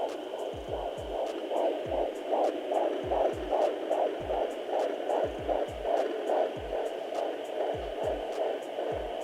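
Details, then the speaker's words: Fetal heartbeat from a pregnant woman on an at-home Torontek fetal Doppler, probe held on the found spot: rapid, regular whooshing pulses at about 150 beats a minute over a steady hum. "once you hear the heartbeat focus on the spot and"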